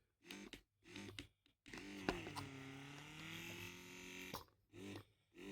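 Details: Amazon wearable electric breast pump on its first use, minus button not working though modes change: rhythmic short motor whirs, then a longer steady buzzing run and more pulses as it cycles through its suction pattern.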